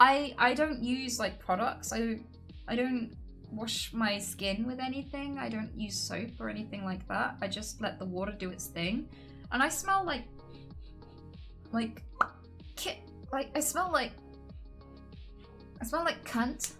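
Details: Woman with Tourette syndrome: vocal tics with repeated phrases and swearing interrupting her sentences.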